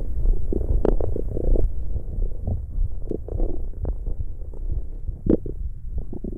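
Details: Stomach growling recorded for ASMR; bowel sounds (borborygmi).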